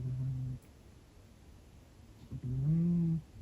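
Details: 16-year-old female cat in a deep sleep during a nap: two low, humming, droning snores with a quiet gap between them.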